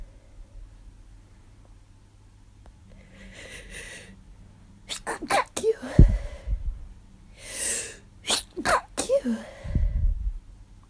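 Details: Several forceful sneezes in quick succession with sharp bursts and inhaled breaths between, in a quiet room; person with suspected allergies who woke with sore throat and headache, thinks it is something more, feeling miserable.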